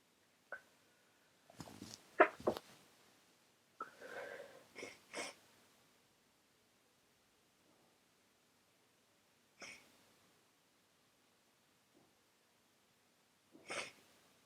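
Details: Person with a very runny nose who can't stop sneezing: several short, sharp sneeze bursts with quick breaths between, then a pause and two more isolated sneezes.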